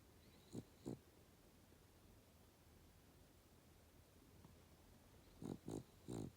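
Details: Snoring from a little old female dog sleeping at the foot of a bed, with sleepy twitching: short, low snorting snores in bursts of two then three, with quiet between.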